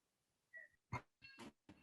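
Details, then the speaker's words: A baby crying in the background during a conversation: short, high-pitched fussing cries from an infant in a quiet room. "as you can hear my baby crying in the background"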